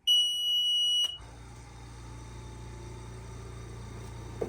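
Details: Five-liter home oxygen concentrator with a home fill system, switched on with its on/off button: a single loud high beep lasting about a second, then a steady machine hum as the concentrator powers on and starts running.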